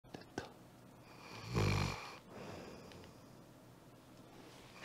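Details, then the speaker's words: Pet dog snoring loudly during a live stream, likened to an excavator: one loud, deep, rumbling snore on an in-breath, then quieter breathing in a small room. "옆집 아니고요 옆집 아니고 호야 코고는 소리예요네"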